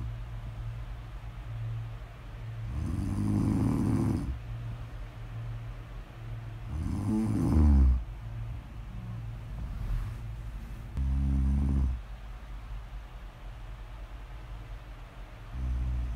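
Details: Snoring audio recording, presented as ASMR: low, rattling snores on breathing in, about four in sixteen seconds, with quiet breathing between; ordinary snoring.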